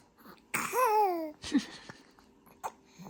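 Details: Infant gives a drawn-out, falling grumbling cry, then brief, sharp, catch-like hiccup sounds in a quiet room while his mother talks to him about his hiccups.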